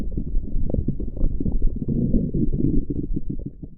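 Continuous low gurgling and rumbling from the belly for several seconds; ordinary stomach growling from gas and fluid moving through the gut.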